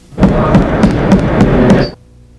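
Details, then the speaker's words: Series of quick, hollow, drum-like taps from percussing the abdomen in a nursing physical-exam demonstration: a low-pitched, clear tympanic note, the normal sound over air-filled bowel, like a drum beat. "o tribunal em geral predomina os sons tim pânicos definidos como claros e de timbre baixo o grau de tinta a nismo depende da quantidade de ar e da intensidade de extensão desses órgãos são semelhantes a batida do tambor"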